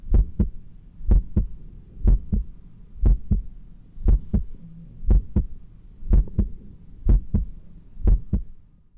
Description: Heart sounds during close-grip and balancing push-ups. Although my heart was not beating too fast, it was pumping quite hard to meet the physical demands of this exercise.